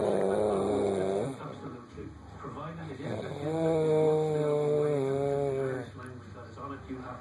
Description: An Indian snoring on my couch.